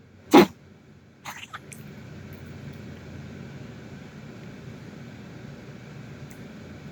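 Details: Dog's cough: a single sharp, loud cough burst followed by two softer short sounds, then quiet room noise.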